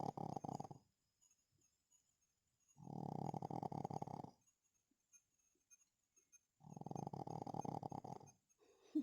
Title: Pug dog snoring while deep sleep